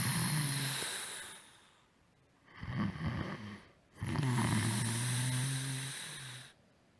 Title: Snore breakdown01